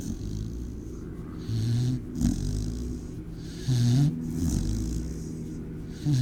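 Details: A sleeping female American Pit Bull Terrier mix at an animal shelter gives low, rumbling, nasal snores with snorting breaths, about two to three breaths heard; snoring.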